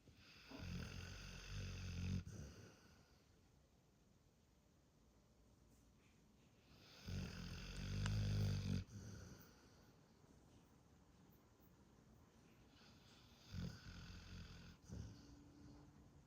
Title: Funny dog videos of a pitbull dog snoring while he is sleeping 😴